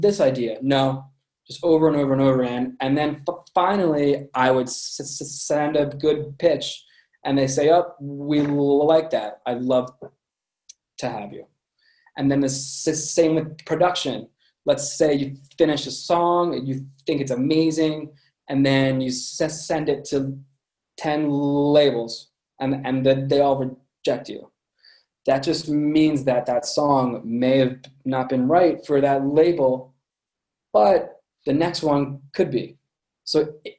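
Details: Adult man with a lifelong stutter present since birth, noticeable to listeners; stuttering.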